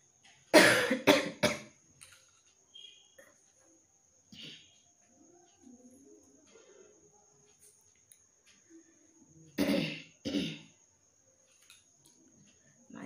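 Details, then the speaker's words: Person with a throat tickle who had coughing fits at night whenever trying to sleep: two bouts of harsh dry coughing, three coughs then two, with quiet rustling between; intermittent dry cough. "কালকে রাতে তো ঘুমাতেই পারছি না, যেই ঘুমাতে যাচ্ছে অমনি কাশি শুরু হয়ে যাচ্ছে।"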